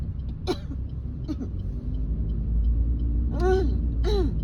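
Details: Woman coughing while driving, with phlegm stuck in her throat that will not come up: several rough throat-clearing bursts over steady car engine rumble.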